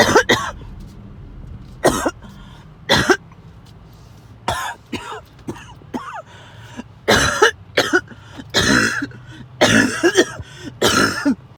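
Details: Repeated harsh, forceful coughs and throat-clearing bursts with strained gasps between; a sudden harsh coughing and choking episode that came on out of nowhere.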